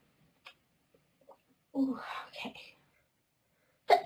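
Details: A drawn-in breath with a short voiced sound, then a sharp explosive burst at the end: a sneeze in a girl with hay fever.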